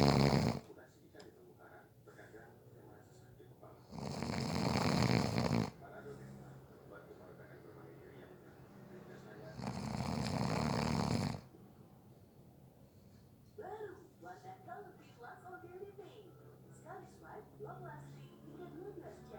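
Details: Snoring during a nap, person fell asleep within 30 seconds: two loud rough snores a few seconds apart with quiet breathing and faint room noise.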